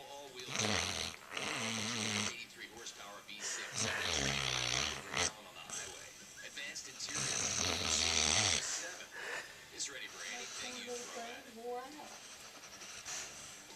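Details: 4-year-old Basset Hound asleep after a long day of running: repeated loud, fluttering snores with wheezy, whistling breaths between; ordinary dog snoring.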